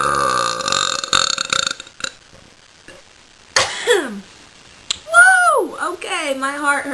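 A loud, drawn-out voiced belch followed by a second long, wavering belch, after a noisy start.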